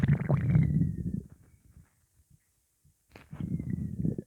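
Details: Upset stomach after eating pizza: loud low gurgling rumbles, a quiet pause, then more rumbling, gassy borborygmi.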